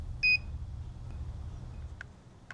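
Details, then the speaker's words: Philips HeartStart OnSite AED demonstration: a single short high electronic chirp warns that the device needs attention because its battery power is low and must be replaced. "If the ready light is not on and the OnSite is chirping, it needs attention. The blue I button will be flashing. Press the I button for more information and follow the defibrillator's instructions. For example, if battery power is low, the OnSite will tell you to replace the battery."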